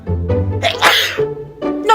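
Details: A single sharp, noisy sneeze burst between short voiced sounds over background music, in a comedic skit about responses to sneezes; sneezing.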